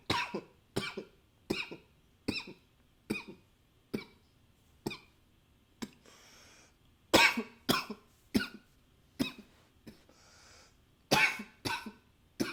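About fifteen sharp, dry coughs, most in quick pairs, with two short bursts of nose blowing between them; repeated coughing.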